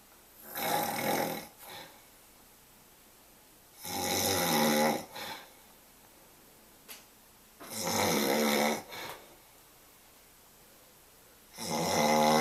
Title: Pregnant man snoring